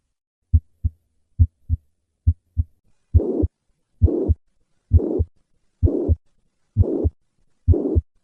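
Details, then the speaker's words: Mitral regurgitation: clear heart sounds near 68 a minute, then a steady blowing holosystolic murmur of constant intensity extending from first to second heart sound. "This murmur extends all the way to the second heart sound reflecting the significant gradient that exists between the left ventricle and the left atrium throughout cy"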